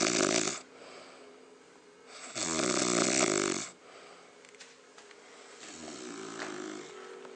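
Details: Snoring during sleep while the sleeper lies with feet together and a hand tucked in against the cold: two loud, rough, rattling snores with quieter breathing between, a third softer snore building at the end.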